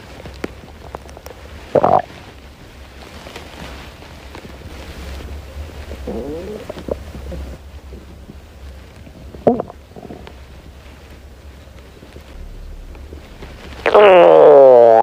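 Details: Hungry girl's stomach growling from hunger: scattered gurgles and squeaks, then a long rising growl at the end over quiet rumbling; borborygmi.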